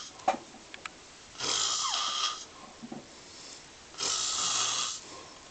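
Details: Two long, hissing, rattling snores a few seconds apart, each on an inhaled breath, with quiet between them; snoring during sleep.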